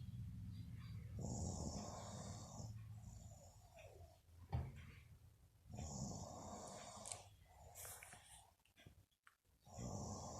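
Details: Mother snoring during sleep: repeated rough, rumbling breaths each lasting a second or two, with quiet pauses between them; ordinary snoring.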